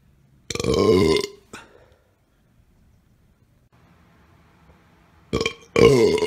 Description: Another burp series, and you can find the predecessors on my roommate, Frenchie's channel.